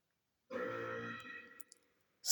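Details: Comedic huge burps, possibly played burping sound effects, with the speaker saying it hurts: one long, low, voiced belch lasting about a second, fading out at the end.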